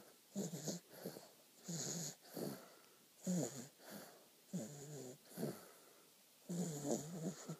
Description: 4 and a half months old and already snoring like her daddy!